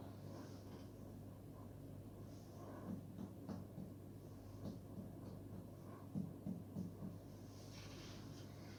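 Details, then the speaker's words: Several soft, hollow finger-percussion taps in small groups over the patient's abdominal wall, with a steady low room hum: a tympanic note, judged normal. "Suara dari perut pasien terdengar timpani yang mana itu normal."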